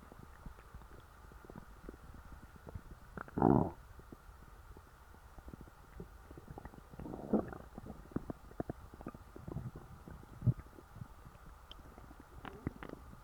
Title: stuffed stomach growls